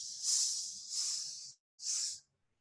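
Voiced imitation of a pansystolic murmur: steady high-pitched hissing 'shh' sounds filling each beat, like mitral regurgitation.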